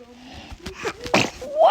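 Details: A newborn baby, described as a dramatic sneezer, sneezing: a small, sharp sneeze burst with a brief squeaky voiced sound after it.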